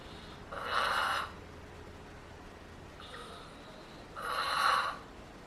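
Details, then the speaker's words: Unconscious woman in hospice, actively dying, who died a few hours later: slow, noisy, gurgling breaths with a wet rattle from fluid in the airways. These are terminal secretions, the death rattle, described as normal and not painful. "So what you're seeing here is the obvious change in normal breathing, and what you'll hear is referred to in hospice as terminal secretions, more commonly known as the death rattle."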